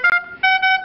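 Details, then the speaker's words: Loud, steady alarm tones from a Puritan Bennett 980 ventilator, a patient disconnect alarm escalating in volume after about 60 seconds to call staff urgently. "now when it hits 60 seconds it's really going to increase quite a bit which once again will signal to the caregiver I need to get into that room"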